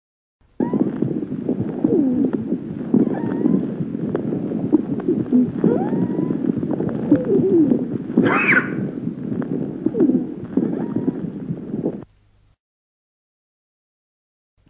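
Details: Wheeze.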